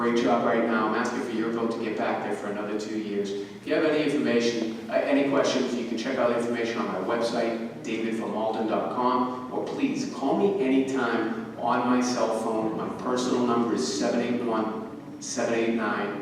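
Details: Adult male speaker; normal voice.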